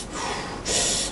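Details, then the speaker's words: Adult snorer with obstructive sleep apnea during polysomnography, pauses over 10 seconds: a short, harsh gasping snort as airflow abruptly resumes after an apnea, alternating with snoring. "쉬다가 숨 멈춘 거죠. 이렇게 숨 멈춘 게 10초 이상이 유지가 되는."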